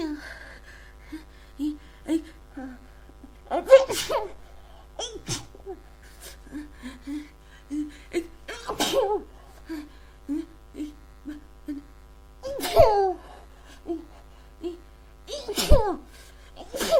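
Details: Person unsure whether a cold or allergies cause it, having a huge sneezing fit: about four forceful sneezes in a row with sharp catching breaths and small vocal sounds between.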